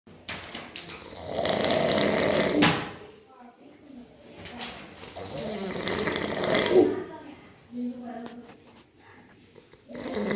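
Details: Loud, rough snores on breathing in, two full cycles with quieter breathing out between, in a small room; a person snoring.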